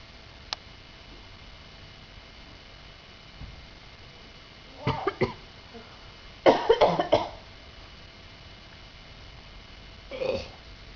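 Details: A child gives short, deliberate coughs and throat clears in a few clusters, as playful coughing rather than illness-driven.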